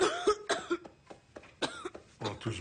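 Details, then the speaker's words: Acted croup cough in a film: feverish boy examined by a doctor coughs about five times in short, harsh bursts; doctor diagnoses croup, warning it could turn into pneumonia. "tousse beaucoup, on dirait. C'est le croup, Madame Cameron."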